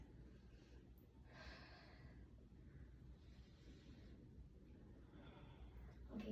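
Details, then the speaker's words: Patient sitting up straight, taught deep breathing and coughing to clear the lungs after surgery, demonstrates pursed-lip breathing: slow breaths in through the nose, then longer, gentle airy breaths out through pursed lips. "and now i wanted you to breathe in through your nose and then uh out through the pressing lips like this"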